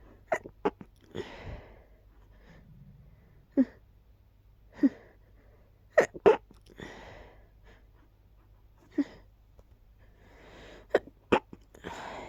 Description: I just started sneezing immediately when I woke up 🤔... Not sure why exactly. Agh, allergies.. what can you do? ;)